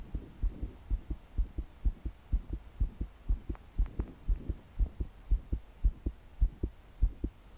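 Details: 22-year-old woman trying to sleep, her body shaking with each beat: a strong, regular, rapid pounding heartbeat at about 120 beats per minute, with soft breathing and heavy rain in the background.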